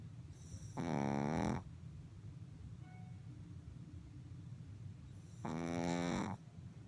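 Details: Puppy fallen asleep standing up behind her blanket: two long, rumbling snoring breaths about five seconds apart over steady background noise.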